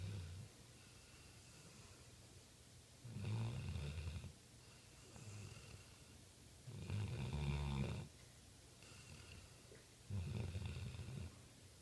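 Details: Sleeping mastiff snoring: loud, rough, low-pitched snores about every three and a half seconds over quiet room noise.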